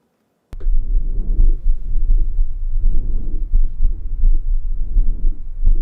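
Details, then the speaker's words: Dog auscultated over the lung field: soft, gentle, low-pitched breath noise rising and falling, with faint heartbeats beneath; normal vesicular lung sound. "Anyway, that is a normal lung sound."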